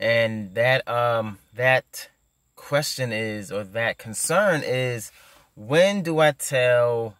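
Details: Adult male who stutters; stuttering.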